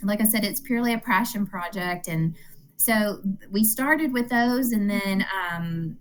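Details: Adult woman speaking; normal speech.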